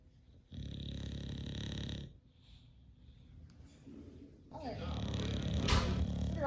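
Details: English Bulldog snoring while napping in the afternoon: a loud, low, rattling snore on a breath in, then quieter breathing and rustling before another noisy breath.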